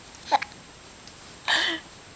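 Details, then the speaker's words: Infant hiccups interrupting the baby's attempts to vocalize while the mother sings: a short, sharp hiccup followed by a brief infant vocal sound in a quiet room. "Oh, the hiccups are interrupting your talk, right?"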